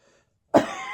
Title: Intermittent Post-Viral Coughing